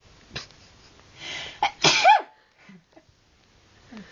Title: me sneezing haha!